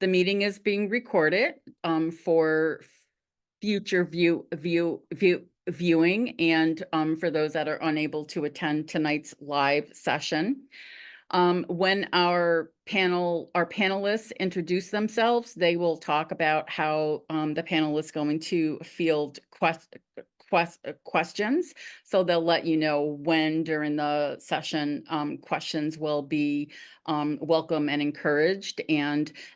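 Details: School-age girl who stutters, real person receiving speech therapy; stuttering.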